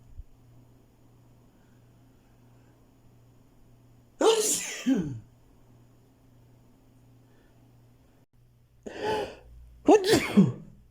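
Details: Quiet room, then three sneezes in a row, each a sharp burst after a short inhaled lead-in; the person says they need to sneeze a lot.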